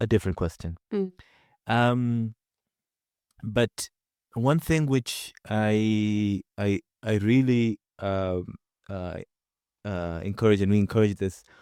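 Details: Adult man from Zanzibar who stutters; stretch with repeated fillers and pauses; stuttering.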